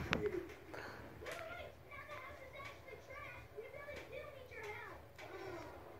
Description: Have you ever breathed in whilst having the hiccups and making a stupid sound?